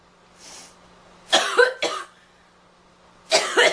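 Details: Girl coughing: soft breath, then a burst of three harsh coughs and two more after a pause; repeated coughing, with a runny nose.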